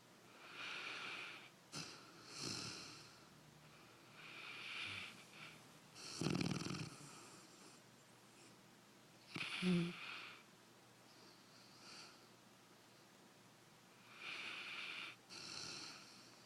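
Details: Dog snoring in sleep: repeated wheezy, whistling snores with occasional louder snorting breaths, about every three to four seconds.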